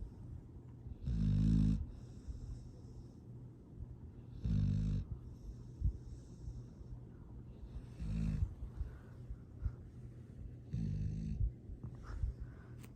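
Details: Sleeping dog snoring: low rattling snores at a slow, uneven pace, about four in thirteen seconds, with quiet room noise between them.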